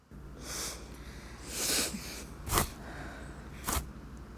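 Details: Sisters sneezing: breathy intakes followed by a couple of sharp, explosive sneezes over a steady low room hum.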